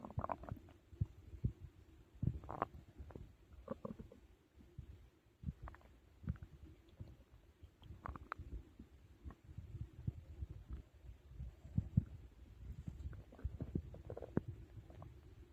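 Low rumbling gurgles and growls with some room noise; stomach growling from active digestion after a meal.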